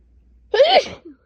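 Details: Person with first cold of the season, asthma causing chest tightness, three days of sinus pressure and two days of fever: one loud, sharp voiced sneeze with a short breath afterward.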